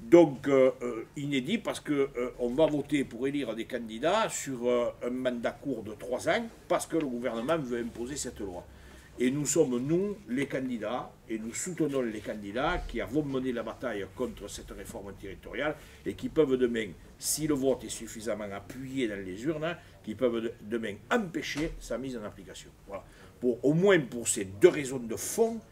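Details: Adult man speaking French; normal voice.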